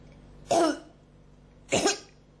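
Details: Person with a cough that won't stop, throat feeling it strongly, recorded as ASMR: two harsh, short, dry, throat-clearing cough bursts about a second apart.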